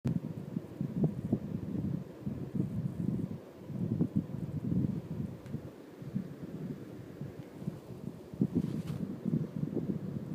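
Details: Adult stomach growling while digesting 4 sodas and 2 slices of cake: low, irregular gurgling and rumbling bowel sounds.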